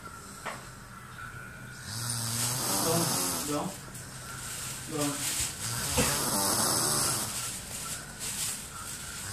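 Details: Loud, rattling snores with a fluttering quality on the in-breaths over steady room noise; a person snoring in sleep.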